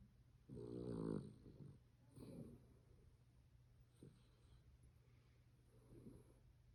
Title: Snoring dog